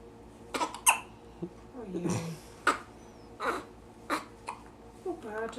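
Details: Baby boy with hiccups after feeding: hiccup sounds during quiet time with his mother.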